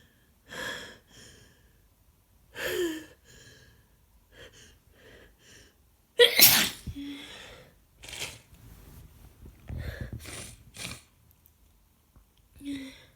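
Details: Person sick with a bad cold, heavy congestion and constant runny nose; repeated catching, gasping in-breaths build to one forceful sneeze, followed by more gasps: sneezing with long build-up.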